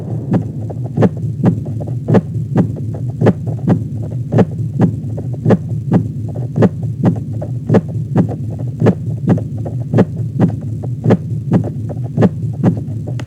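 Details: Steady, evenly spaced lub-dub beats at about 54 a minute over a low hum: normal regular heartbeat in a man previously diagnosed with congestive heart failure, cardiomyopathy, murmur and irregular rhythm, recorded after carnivore diet.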